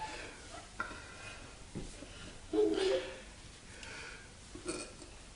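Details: Person belching while having a beer: a loud throaty belch with a few smaller burps around it.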